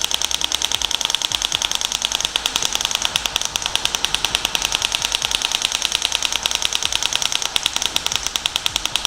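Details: Shock wave therapy device firing during Achilles tendon treatment, moving vertically and laterally over swelling: rapid, steady sharp clicking pulses, a little over three a second.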